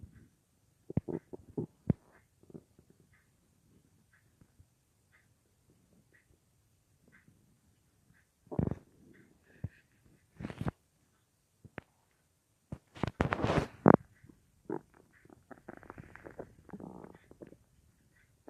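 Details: Adult lying on left side at night, about an hour after soup with no full meal that day, phone in front of belly or mic pressed against it; loud gurgling, rumbling, clicks and longer gurgles between quiet stretches: borborygmi.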